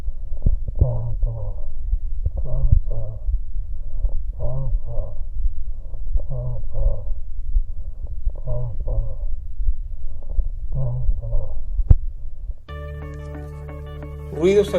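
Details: Egophony.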